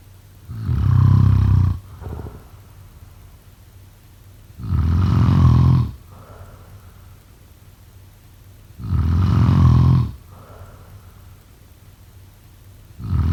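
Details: Loud, rumbling snores on each in-breath with softer out-breaths, about 14 breaths a minute; steady sleep snoring.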